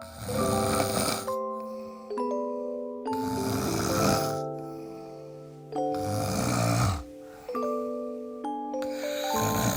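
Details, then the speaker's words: Loud, rough snoring breaths during sleep over background music with chime-like tones; snoring. "以上いつもおなじみのいびきでしたおやすみなさい"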